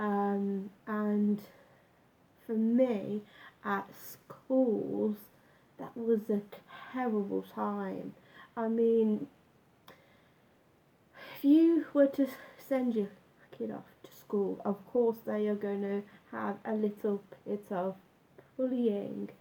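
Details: Adult man with a stammer since about age nine, much worse when younger, now slight and managed with a breathing technique; stuttering (stammer).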